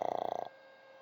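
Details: An elderly pug asleep on a sofa gives a brief, fast fluttering rattle on one breath lasting about half a second, then goes quiet: snoring.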